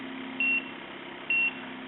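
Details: Two short high beeps about a second apart over a steady machine hum from a SeQual eQuinox portable oxygen concentrator, confirming a change to the pulse rise time (bolus delivery speed) setting.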